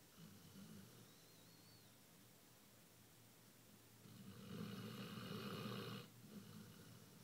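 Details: Basset hound asleep: quiet breathing, then a long, loud, rumbling inspiratory snore lasting about two seconds: dog snoring.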